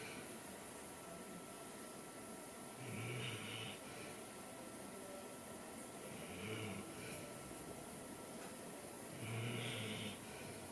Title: Good Boy Snoring - The Good Boy Series